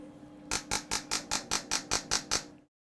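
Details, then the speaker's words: A demonstration of how transcranial magnetic stimulation, FDA-approved for depression, sounds during treatment; a rapid train of ten sharp, loud clicks about five per second over a faint hum: TMS device clicking. "tms stands for transcranial magnetic stimulation it's a technique that's had fda approval since 2008 for treatment of depression it takes advantage of the properties of electricity and magnetism and i can show you what it sounds like during a treatment"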